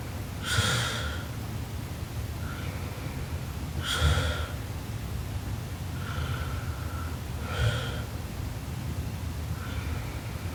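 Loud snorting snores with each breath, about 17 a minute, against steady room noise.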